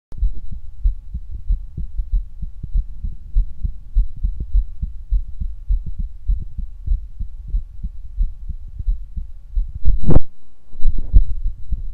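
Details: Normal heart sounds on stethoscope auscultation: steady low thumps at roughly 120 beats a minute, with a brief rustle near the end.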